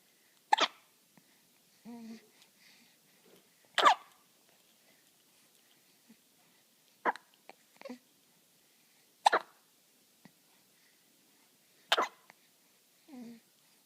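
Sharp regular hiccups, about five in fourteen seconds, with soft infant sounds and pacifier sucking between them.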